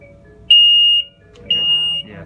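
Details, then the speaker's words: Two loud, high-pitched half-second beeps a second apart: an infant apnea monitor's alarm self-test when first switched on, all three alarms sounding, with faint room talk. "so it's gonna do alarm test for one of these lights show you what it sounds like all three are gonna sound and this is always when you first plug it in"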